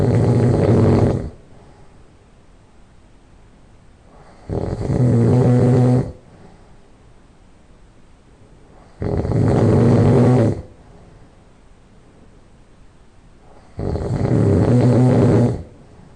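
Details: Person who has just fallen asleep: four loud, low, rattling nasal snores on in-breaths, about 13 a minute, with quiet gaps between; heavy snoring.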